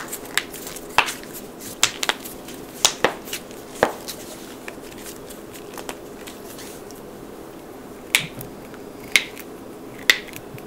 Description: Satisfying Bone Cracking Compilation! Loud Popping Knuckles, Necks, Toes, Backs, Wrists, Ankles, and More!